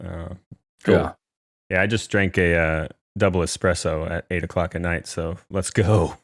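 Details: Adult male speaker; normal speech.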